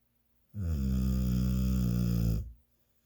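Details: One loud, deep, rattling snore from a sleeping man, lasting about two seconds, steady and low-pitched, in a quiet room; snoring.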